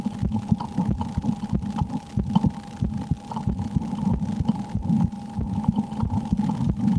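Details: Own heartbeat checked just before playing the horror game Slender: The 8 Pages. Repeated low thumps at roughly 94 per minute with a steady background hum.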